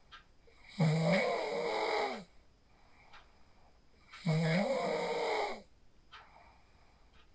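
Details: Real sleep snoring recorded on a phone after practicing the 4-7-8 breathing technique: two loud, rasping inspiratory snores, about 17 breaths a minute, quiet breathing between; snoring.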